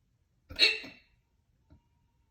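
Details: Single loud, abrupt hiccup with a sharp voiced catch, then a faint second sound, in a person who ate soup for dinner and then a lot of crackers; super loud hiccups.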